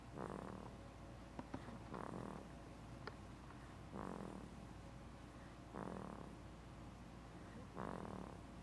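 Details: Snoring: soft, rasping snores repeating about every two seconds in a quiet room, a steady sleep-breathing rhythm with a rattle on each breath.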